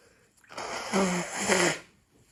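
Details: Forceful sneeze with a voiced, drawn-out ending in a quiet room, from a compilation of sneeze attacks during a month of excessive hay fever, after cutting grass; allergic rhinitis sneezing.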